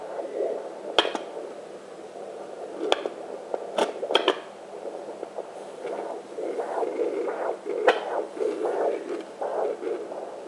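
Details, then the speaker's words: Mother's own arterial pulse on a Sonotech Pro fetal Doppler placed near the left hipbone: rhythmic whooshing at about 116–118 a minute, often mistaken for the baby's heartbeat. "And what that is is you're hearing the blood flow in and out of the arteries. So, it's fast. And a lot of people mistake that as a baby, but it's not the baby."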